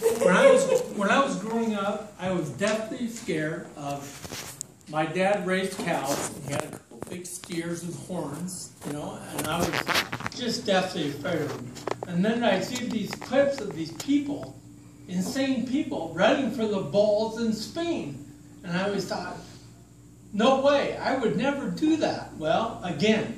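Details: Adult man with ataxia diagnosed in 2003, lifelong balance difficulties, who says it has affected his speech; talk at an ataxia support group; ataxic dysarthria.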